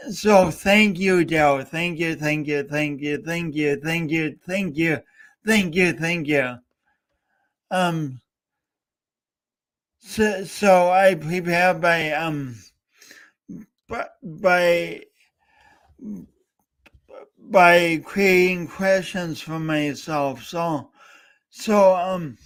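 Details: Adult host with a speech impediment, coached for years, talking live for three hours as a personal challenge. Finding: stuttering (speech disfluency).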